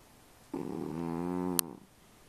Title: my snoring cat